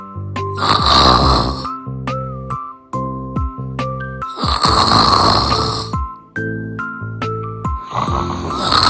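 Three soft, rasping breaths recur about every three to four seconds, roughly 16 a minute, over a steady musical background: a cat snoring in sleep.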